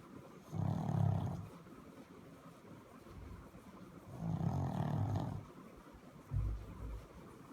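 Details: Pug snoring: low, rumbling snores roughly every four seconds from a small flat-faced dog, with noisy breathing between them.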